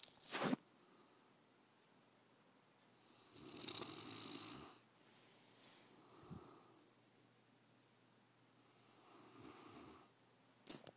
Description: My dog english mastiff is snoring.